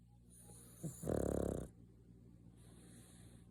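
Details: Pug dog snoring: one loud, rattling snore on the in-breath between quieter breaths, with soft whistly sounds; snoring.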